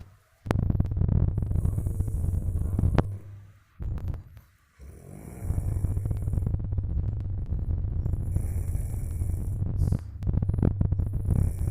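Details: Loud, low, rattling snoring from a sleeping adult in deep sleep, long rumbling stretches with brief pauses, growing louder over time, with some handling noise; snoring.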